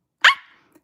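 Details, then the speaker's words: Young woman with Tourette syndrome, also blinking tics, during a livestream: a single sharp, dog-like bark, an involuntary barking vocal tic. "Yes, if you're wondering why I'm blinking and barking, it's because I have Tourette's."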